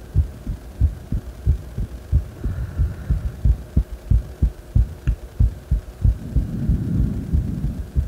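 Regular, strong low heartbeat thumps at about 92 beats a minute, a quick rate after deep squats.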